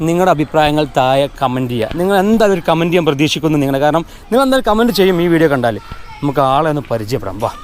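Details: Adult man; typical speech.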